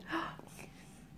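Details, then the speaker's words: Child talking with hiccups: a single sudden voiced intake of breath, a brief gasp-like catch, then quiet; a hiccup. "got it out in between your hiccups will give you the hiccups no clay you think there's a train that planes trains whoa whoa whoa dang dang and Frank and you're very silly with your hiccups"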